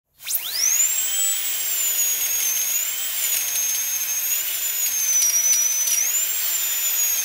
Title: Dentist, Drill - Drilling Teeth Hospital, Medical & Dental Equipment